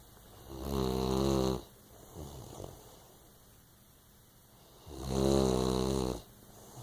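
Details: Snoring from a sleeping girl.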